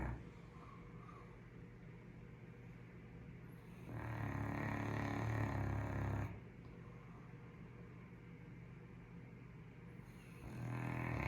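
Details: Caucasian Shepherd (Ovcharka) dog asleep, with deep, rumbling snores of about two seconds each, separated by quiet pauses with faint room hum; steady sleep snoring.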